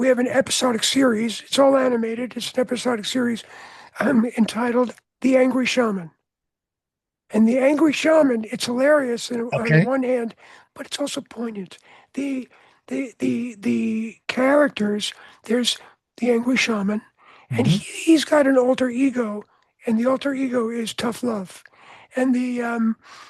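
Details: Adult man whose voice was altered by throat cancer, treated with surgery, radiation and two years of experimental chemotherapy (1993); voice change after throat cancer treatment.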